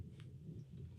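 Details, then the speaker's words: Adult man who skipped breakfast but took pre-workout, picked up by a podcast microphone: a low, deep rumble about a second long, ordinary stomach growling; borborygmi. "Did you hear my stomach rumble? Through your mic. Wow. No way. I didn't just hear that through the mic. If you guys heard that was my stomach rumbling. Apparently I didn't have breakfast this morning,"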